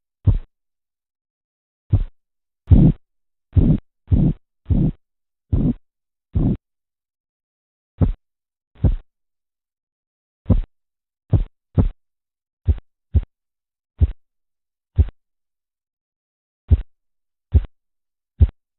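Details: Low tapping sounds under a blood pressure cuff during blood pressure measurement, some fuller and louder, then sharper taps that fade; Korotkoff sounds.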